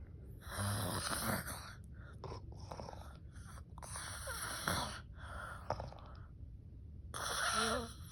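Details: Loud, rough breathing noises from a sleeping adult woman, with harsh rattling bursts and pauses between breaths: snoring.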